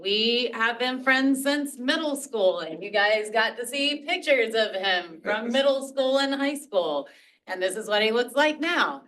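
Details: Adult woman speaking; Normal speech.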